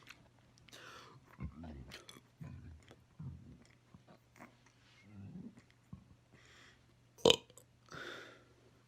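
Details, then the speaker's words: Deliberate series of big voiced burps from swallowed air, with more air felt trapped inside: several deep, rumbling belches in a row with quiet gaps between them. "a small one there's a lot trapped inside me now so i should get some more big ones"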